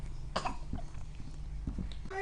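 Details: Young child playing with slime for the first time, who grew disgusted and nearly vomited: a few quiet, short coughs and gagging throat sounds.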